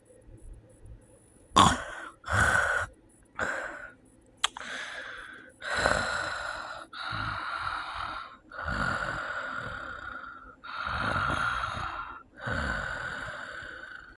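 Harsh, rasping snores with short, gasping breaths, consistent with snoring in sleep apnea.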